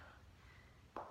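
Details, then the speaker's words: Adult man doing yoga, attempting a bound bird-of-paradise pose; single sharp pop from the shoulder; shoulder joint popping. "you can hear my shoulder popping and I already know these don't look good this isn't beautiful but this is what I'm working on"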